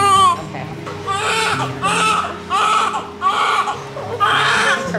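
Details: Repeated loud wailing cries of a newborn girl at birth by C-section, mother's first baby, with music in the background; a normal vigorous first cry.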